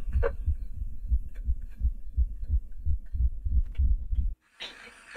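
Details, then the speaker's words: Rapid, low rumbling pulses with each breath in a dog after exercise, not heard at rest: obstructive upper airway noise of grade 2 brachycephalic obstructive airway syndrome (BOAS). "next grade two this is more apparent now for your name ster you don't hear them at rest but it comes out post exercise"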